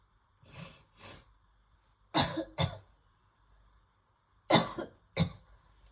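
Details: Adult with worsening asthma coughing while brushing teeth, then feeling nauseous: six harsh dry coughs in three pairs, later pairs louder; asthmatic coughing fit.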